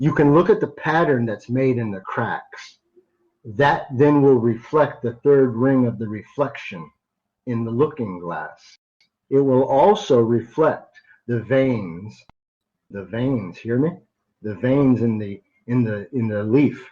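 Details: Adult man who stutters sometimes, a carry-over from much more frequent stuttering as a child; stuttering.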